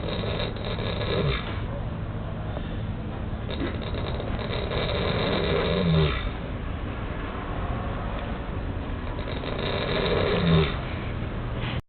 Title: Horse snoring at Scottsdale show...Baccardii Gold